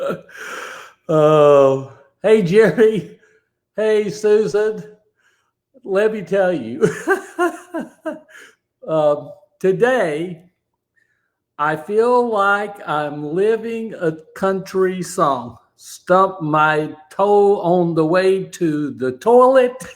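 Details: Aphasia after a stroke in a man, described as an invisible disability; a bad morning said to have affected his ability to talk that day; real speech; aphasia.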